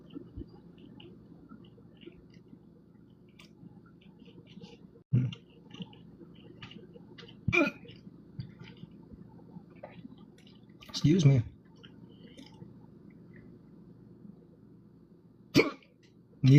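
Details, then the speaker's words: Adult with persistent hiccups while talking: sudden short gulping bursts repeating every few seconds over a low room hum. "Those These hiccups are not going away."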